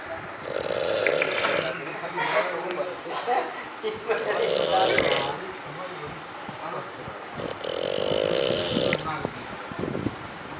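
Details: Loud, harsh, rattling "scary" snores on three long breaths in about ten seconds, with quieter noisy breathing between them; heavy snoring.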